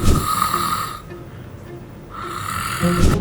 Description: 打呼吵到自己或枕边人 #失眠快崩溃？